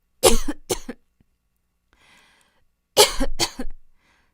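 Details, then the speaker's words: Acted female cough: two loud pairs of harsh, dry coughs with a quiet pause; she describes a worsening cough, hoarse and very sore throat, worse at night, bouts lasting 10–20 minutes. "근데 기침이 밥만 내면 진짜 심해져 지금도 기침 때문에 힘들긴 한데"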